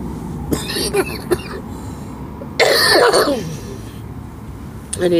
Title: Smoking coughing BBW night vlog